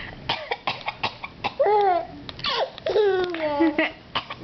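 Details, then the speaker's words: Adult (mother) deliberately coughing for an infant: a run of short, dry coughs, followed by the infant's bright laughter; simulated cough. "okay I'm going to cough you you like when people cough huh you don't have empathy yet"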